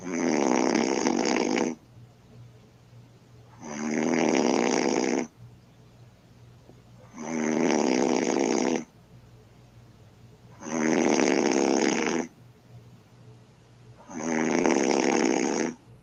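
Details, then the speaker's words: Woman asleep, recorded by her boyfriend: five loud, harsh, rattling inhalations about every 3.5 seconds, roughly 17 a minute, with quiet pauses between; heavy snoring. "he says my girlfriend's snoring like a beast let's see"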